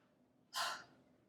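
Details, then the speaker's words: Demonstrated huff (forced expiration) at medium lung volume for airway clearance: short forceful breath out through an O-shaped mouth with the throat open, upper chest and shoulders relaxed, pushed with stomach muscles to move airway secretions up. "take a medium breath in make an O shape with your mouth keep the back of your throat open relax your upper chest and shoulders and just use your stomach muscles to push the area good"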